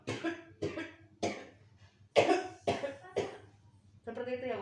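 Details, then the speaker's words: Nurse demonstrating effective cough training for an elderly woman: inhale 4 seconds, hold 2, exhale, then cough strongly, producing six forceful evenly spaced cough bursts and a brief voiced sound, to clear airway secretions. "yang terakhir saya mau pasang 4 detik tahan 2 detik keluarkan 8 detik lalu batukkan dengan kuat"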